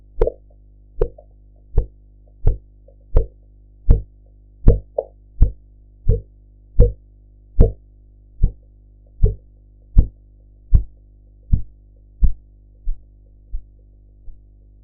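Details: Blood pressure practice recording with a sphygmomanometer: regular tapping Korotkoff sounds at about 81 a minute that fade away toward the end.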